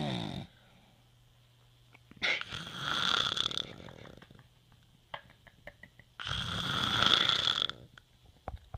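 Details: Two loud, rough, hissing snores with a whistling edge, separated by quiet pauses; snoring.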